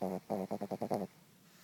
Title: snoring.